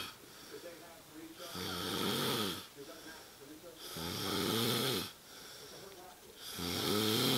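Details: Person asleep on a couch at 2am: regular rattling snores on each breath in, about one every two and a half seconds, softer breaths out between; snoring.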